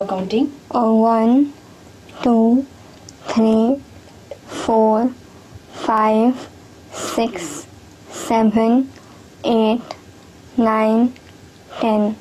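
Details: Audible nasal air emission while counting in a person with cleft lip and palate.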